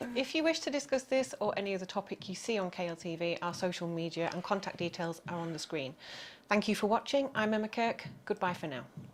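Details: Adult woman; typical speech.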